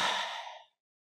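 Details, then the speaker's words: Autogenic drainage demonstration for clearing phlegm: on instruction, one forceful, breathy exhalation that fades within a second, completely expelling all the air down to expiratory reserve volume; a forced complete exhalation. "okay you try again try breathing now slowly breathe in and out okay completely expel all the air"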